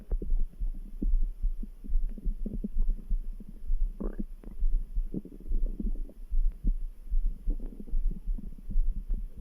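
Soft gurgling stomach rumbles with a faint heartbeat thudding behind them, about 73 a minute; ordinary bowel sounds.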